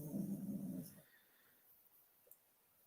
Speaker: i don't know whether you can hear the puppy snore but it's so loud at least here it's so loud